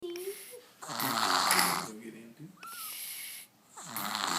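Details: Sleeping young girl who snores like her father: loud, rasping breaths in and out with faint music and voices behind; snoring.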